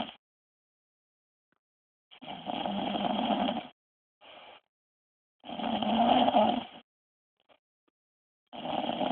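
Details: A wife snoring in her sleep: loud, rattling snores on each in-breath, about every three seconds (roughly 19 breaths a minute), with softer out-breaths between: heavy snoring.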